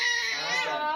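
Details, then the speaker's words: Newborn girl's discomfort cry: a high, tense, urgent cry with a clipped 'eh, eh, eh' quality. "This cry is going to sound like an eh, eh, eh. And I'm going to throw it up on screen like what my daughter's cry sounds like."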